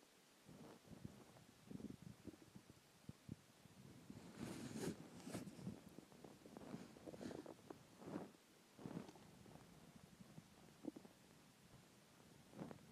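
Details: Low gurgling and rumbling stomach noises in irregular waves over faint hiss from an empty stomach after skipping lunch; hunger stomach growling (borborygmi).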